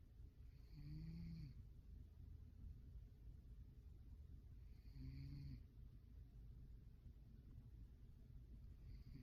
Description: Lazy snoring cat